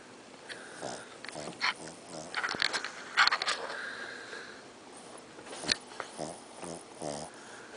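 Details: A sleeping Shih Tzu with a snoring problem, snoring very loudly, gives loud, snorting, rattling breaths in quick succession; heavy snoring.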